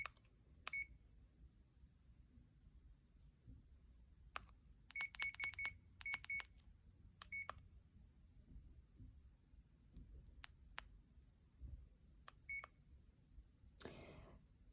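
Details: CADD infusion pump in PCA mode for a morphine or midazolam cassette, home hospitalisation, programmed with 3 mg boluses, 1-hour lockout and 100 ml reservoir: short high electronic keypad beeps, single and in quick runs, over quiet room noise.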